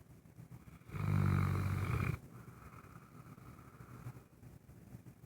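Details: Sleeping Saint Bernard dog: one loud, deep, rumbling snore lasting about a second, then quieter breathing; snoring.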